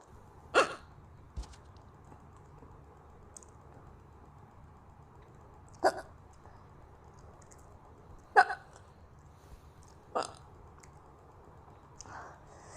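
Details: Hiccups in a girl: sharp, brief hiccup sounds recurring about five times in under thirteen seconds at uneven intervals.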